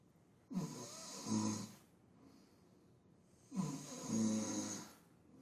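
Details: Man sleeping after heavy drinking, snoring: two loud rasping snores, each starting on the in-breath and carrying into the out-breath, with a quiet pause between.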